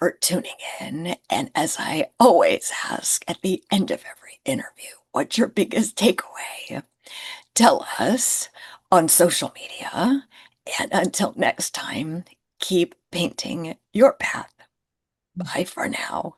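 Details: Adult woman with spasmodic dysphonia, which she calls a neurological condition. It is long-standing enough that talking this way has become her normal, and people often can't understand her on the phone; spasmodic dysphonia.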